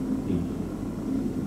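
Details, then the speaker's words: Egophony test during a chest exam: the patient quietly says "ee" repeatedly while the examiner listens over the chest for an E-to-A change, which is absent, so the result is normal. "So, if you just quietly say e for me. And again?"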